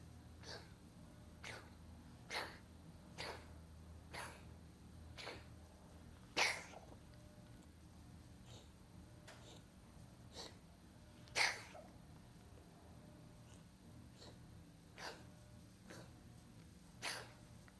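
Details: Dog coughing fit induced by brushing/pressing its throat: a long run of short, sharp coughs, about one per second.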